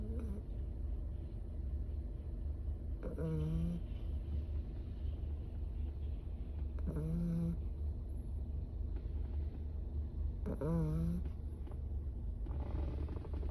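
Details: Three short buzzing snores about every four seconds, roughly 15 breaths a minute, over a low steady rumble; snoring.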